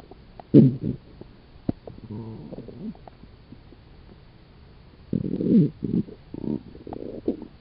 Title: stomach growls